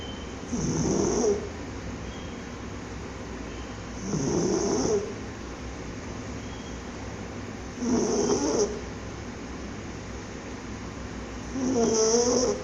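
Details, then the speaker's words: Sleeping pug: nasal, snorting snores about every four seconds, roughly 16 breaths a minute, over steady room hum; pug snoring. "Hey, sleepyhead. What are you doing, snoring?"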